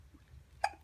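A single short, sharp hiccup from a child in a quiet room.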